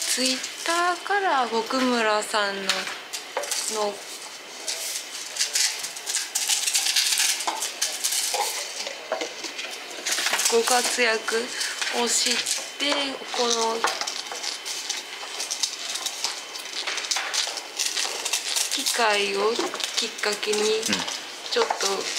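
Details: Young Japanese-speaking person who stutters, a Kansai high school or university student; stuttering.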